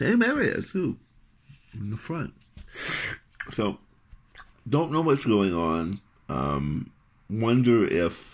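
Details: Adult male with articulation impairment three months after partial glossectomy for tongue cancer, reconstructed with a wrist-skin graft whose layers are detaching; speech clarity reportedly reduced compared with a couple of weeks earlier.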